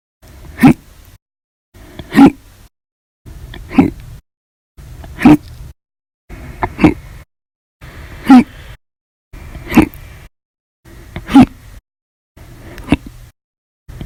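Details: Hiccups, audio only, from a compilation of violent, loud and silent hiccups: sharp, abrupt gulping bursts about every 1.5 seconds, roughly 40 a minute, between short silences.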